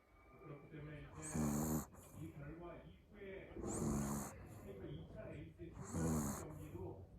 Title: Snoring puppy zzz